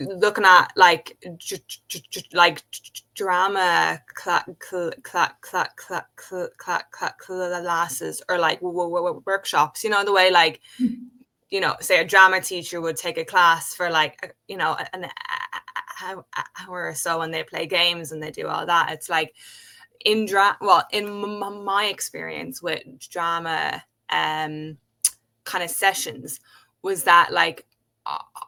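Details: Adult woman who has stuttered since age five, speaking in a real conversation; stuttering.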